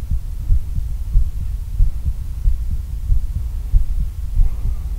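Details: Normal adult heartbeat recorded on the chest with one of four microphones compared (AKG C411, Shure KSM137, Rode NT3, Shure SM57), unprocessed: regular low thumping at about 92 beats a minute.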